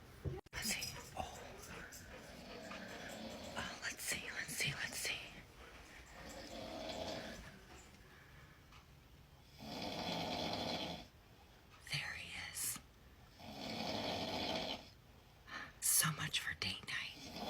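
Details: A husband asleep in bed after date night snoring loudly: rasping snores about every three to four seconds, roughly 17 a minute, with quiet whispered talk nearby.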